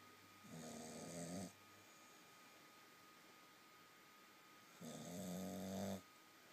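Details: Snoring: two long, rattling inhaled snores about four seconds apart, with a quiet pause between them; ordinary snoring during sleep.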